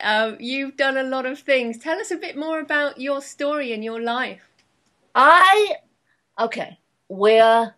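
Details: Adult woman interviewer; normal fluent speech.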